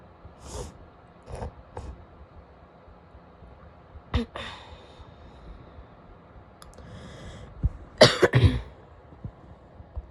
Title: coughing (f)